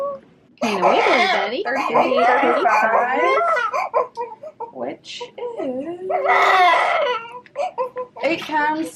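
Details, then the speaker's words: Newborn hunger cry from a first baby, delivered naturally after 24 hours of labour, with later NICU care. Loud, rhythmic crying comes in short, pitched wails with brief pauses for breath. "okay he wants to eat he wants to do"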